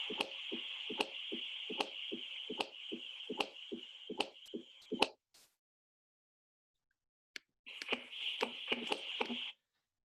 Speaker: y tenemos el r4 que se escucha